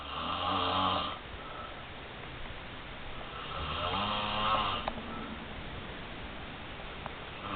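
Two long, rough, rumbling snores about four seconds apart during sleep, with low room noise between them.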